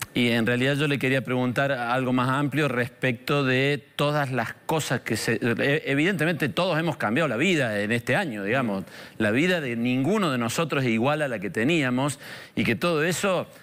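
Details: Adult male speaker; normal speech.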